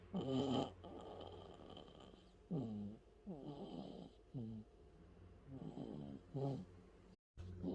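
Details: Sleeping one-month-old baby boy: repeated soft, squeaky, nasal snoring sounds with each breath; infant snoring.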